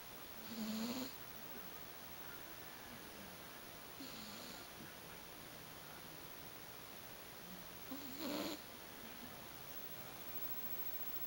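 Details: 13-year-old, 21 lb male tabby cat asleep on a bed, giving soft, raspy snores, three breaths over about eleven seconds against steady room hiss; snoring.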